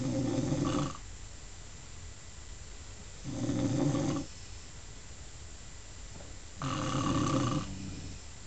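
Loud rattling snores on each in-breath, about 18 a minute, with quiet pauses between them: ordinary snoring.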